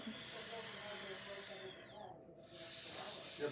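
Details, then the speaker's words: Adult man breathing forcefully through a resistance respiratory muscle trainer while puffing out his cheeks: airy breaths with a falling whistle and a steady rushing hiss. "You're puffing out your cheeks. Sorry I'm practicing, see you get a little feedback, that's good. You're doing really well on the breathing."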